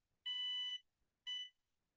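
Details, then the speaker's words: MGrx dry eye treatment system during a patient's eyelid treatment: one long then one short electronic beep signalling the device has reached proper temperature, before biofilm is cleared from the lid margin gland openings. "yeah so the beeping there is just letting me know that the device is at the proper temperature"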